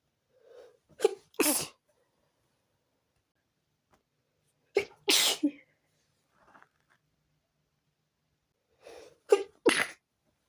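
Three sharp sneezes, each with a quick inhaled build-up, a few seconds apart in a quiet room; a sneezing fit.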